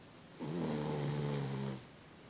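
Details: Binkie, a Boston Terrier sleeping soundly in bed: a single loud, buzzing snore lasting about one and a half seconds.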